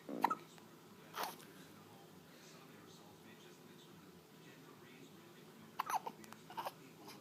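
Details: Infant in a quiet room making a few short, abrupt hiccup sounds, the last ones in a quick cluster; hiccups.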